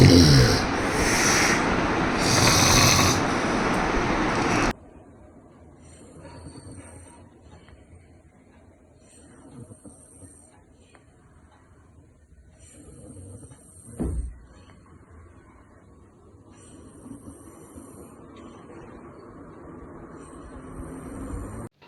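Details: Loud, harsh snoring bursts then quieter breathing in a sleeping adult with daytime lethargy and poor sleep; snoring investigations suggested obstructive sleep apnea, later treated surgically.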